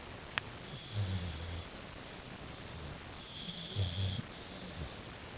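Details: Pudge, a female bulldog, sleeping with her tongue hanging out: low, fluttering snores with each breath about every three seconds over room hiss; snoring.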